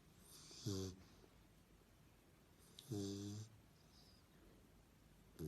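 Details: Low rattling snores on each breath, about 27 a minute, from a sleeping dog; typical sleep snoring.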